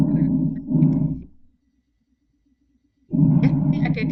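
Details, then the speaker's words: Normal breath sounds played in a respiratory auscultation teaching session: audible inspiration and expiration, with the bronchial component heard clearly during expiration. "Adik-adik dengarkan suara respirasi normal ada in dan ekspirasi. Ya, ini tidak mendengarkan suara bronhial dan vesikuler, tetapi inspirasi dan ekspirasi."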